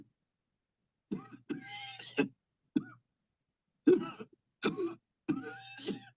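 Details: Adult client coughing on request after deep breaths during a remote cleansing-healing coughing technique session: several short coughs and throat-clearing bursts separated by pauses; voluntary cough.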